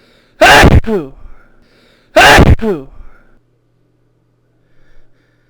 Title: itchy sneezes